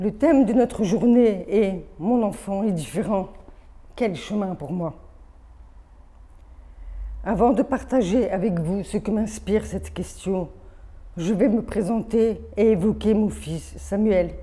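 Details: Congenitally deaf adult woman with >80% hearing loss from maternal rubella early in pregnancy, raised orally, hearing aids from age 7, speech therapy from age 2 to end of middle school plus phoniatric voice work, hears own voice poorly: deaf speech.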